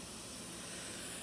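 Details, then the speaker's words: Manual blood pressure cuff being deflated: the bulb valve is loosened and air hisses steadily out of the cuff during a demonstration of manual blood pressure measurement. "you loosen it lefty loosey and then all the air is able to come out of the cuff"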